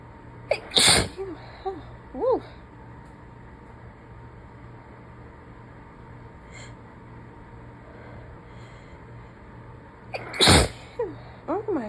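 Two forceful, explosive sneezes with a quiet stretch between them and brief voiced exclamations after each.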